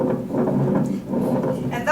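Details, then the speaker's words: Lab demonstration on a lung sound simulator played through a speaker, possibly mixed with speaker static: loud, low-pitched bubbling crackles; coarse crackles. "are coarse crackles coarse crackles are really loud if it if you hear it described as fine crackles they're little fainter"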